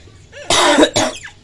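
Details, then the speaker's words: Two short, harsh, deliberate coughs from an adult keeper, made on purpose to test a beach monkey's reaction; when the keeper coughs, the monkey always starts screaming. Voluntary cough. "jadi kalau saya batuk pasti dia langsung teriak-teriak dengarkan teman-teman"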